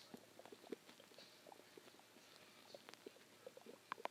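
Quiet scattered gurgles and brief squeaks over faint hiss; ordinary stomach growling after a meal.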